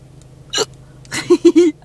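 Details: Hiccups interrupting a man's bad singing: a short sharp catch of breath, then brief sung notes broken by abrupt stops.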